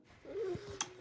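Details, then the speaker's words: A brief, harsh, high-pitched growling, raspy sound on breathing in from a young child, heard in the morning and said to be getting worse; the parents say she sounds like she is struggling to breathe. Stridor. "came out of her room this morning just sounded like growly raspy like breathing in and it was just it sounds like someone's struggling to breathe and that is terrifying"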